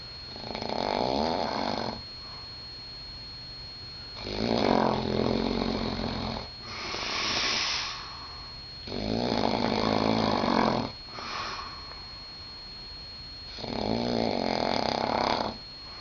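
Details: Loud, rough, rattling snores on each breath in, about four breaths in sixteen seconds, with a steady background tone, from a man asleep in a Las Vegas room before the curtains were opened; snoring.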